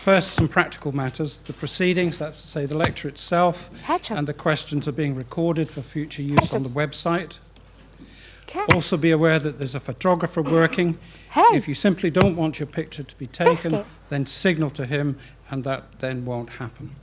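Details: Adult man speaking; normal speech.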